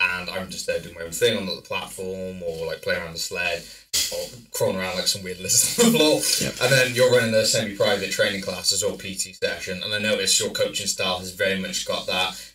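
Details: Adult male speaker; typical speech.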